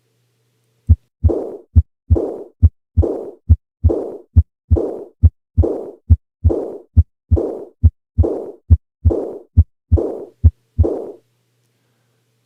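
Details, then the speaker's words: Aortic regurgitation murmur: regular heartbeat near 69 a minute, with a soft, blowing, decrescendo diastolic murmur after each second sound. "hopefully the timing for this murmur sounds different than the previous two examples that's because this is a diastolic murmur its shape decrescendo and what about its quality I think many people would agree that it sounds blowing in nature"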